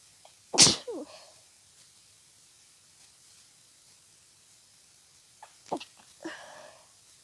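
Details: A person with seasonal allergies, in an intense fit after sneezing all day, gives a sharp, forceful sneeze, then quiet, then a smaller second sneeze with short breaths around it; sneezing.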